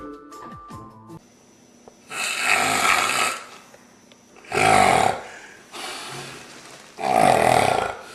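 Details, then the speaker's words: Loud, harsh, rasping snores repeating every two to three seconds with faint background music; heavy snoring, presented in a stop-snoring and sleep apnea context. "yep your snoring is putting a damper on things at home and you know it can increase the chance of strokes and heart attacks"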